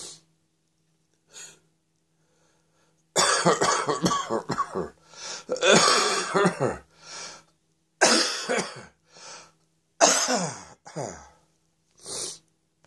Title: Cough Rattle and Roll!